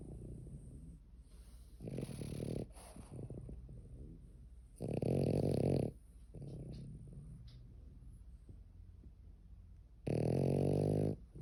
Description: She snored so loud she woke up both her parents